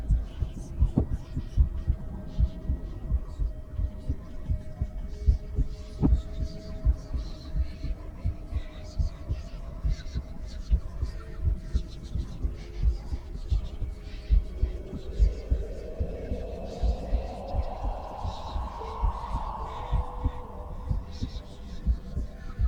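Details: Deep, muffled heartbeat thumps of a female heart through a stethoscope, presented as real heartbeat audio at rest, with eerie drifting tones and a rising whoosh layered over them; normal heartbeat.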